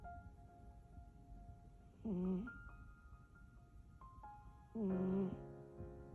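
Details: Sleeping cat snoring like a human: two short, buzzy, low-pitched snores about three seconds apart over soft chiming music.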